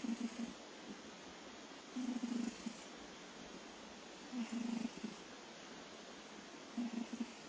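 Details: Cat snoring: soft, regular, low snores about 25 per minute against a steady background hiss from a sleeping cat.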